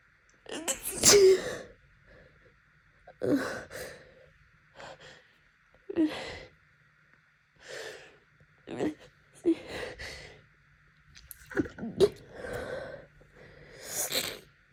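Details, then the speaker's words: A person in a sneezing fit from seasonal allergies, happening nightly for a week and lasting hours, gives repeated sharp sneezes with breathy gasping build-ups and itchiness between them over a steady background hum. "See, this fit is never gonna end. She's again. Jeez. Disease. Allergies are the worst."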